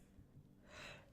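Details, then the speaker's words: Adult podcast host sneezing near the microphone in a quiet room: a brief indrawn breath, then one sharp, hissing burst of air. "excuse me even mute the microphone that's all in there folks you get to hear the nice sneeze I couldn't help it"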